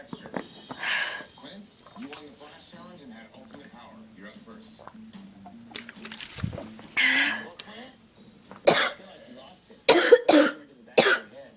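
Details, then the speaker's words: Intense, uncontrollable coughing fit. "well I can't stop coughing some water"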